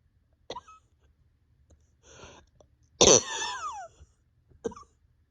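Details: A few short coughs, then one strong harsh cough with a strained squeaky tail, from a person with pain deep in chest and stomach, awake over 32 hours, bronchodilator not helping; cough.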